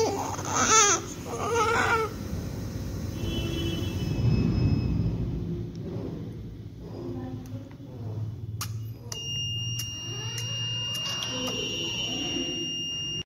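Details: Short fussy cries and grunts from a healthy newborn weighing 3.5 kg trying to feed, with room noise; ordinary newborn crying.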